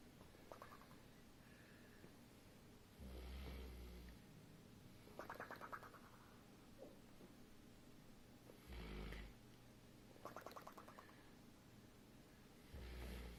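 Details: Snoring during sleep: rough, fluttering snores on breaths in with low rumbling sounds between them, about four breaths in 13 seconds.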